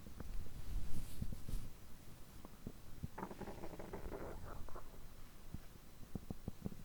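Soft irregular gurgles and clicks with a brief low bubbling rumble in a quiet room. Bowel sounds of ordinary digestion.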